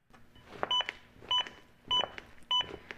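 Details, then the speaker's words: Zoll AED Plus Travel Trainer demonstration on a simulated collapsed victim with pads placed; evenly spaced electronic beeps about 100 a minute, an adaptive metronome pacing chest compressions toward at least 100 per minute. "the beats act as an adaptive metronome that monitors my compressions and tries to speed them up to at least 100 per minute"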